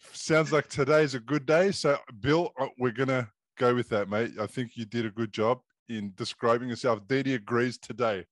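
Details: Adult male speaker; no speech disorder.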